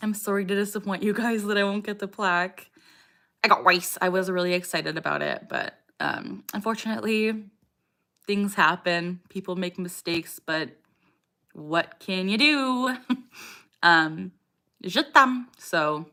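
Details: 27-year-old woman with Tourette syndrome, tics since age 3, diagnosed at 12, with motor and vocal tics; a frequent vocal tic phrase interrupts her speech; vocal tic (Tourette syndrome).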